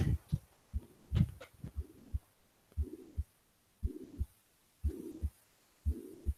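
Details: Recorded mitral regurgitation murmur played in a cardiology teaching seminar, described as pansystolic and heard at the apex.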